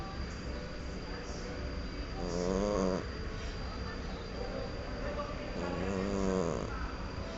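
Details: Cat snoring in deep sleep: soft rhythmic snores, about 17 breaths a minute, over a steady background hum.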